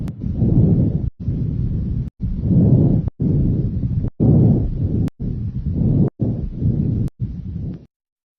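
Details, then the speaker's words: Posterior thorax auscultation over the major bronchi from T1 to T4: moderate pitch and amplitude, inspiration and expiration equally long; normal bronchovesicular breath sounds. "you should hear Bronco vascular sounds over the major broni from T1 to T4 these sounds are moderate in pitch and amplitude last equally long on inspiration and expiration and sound like"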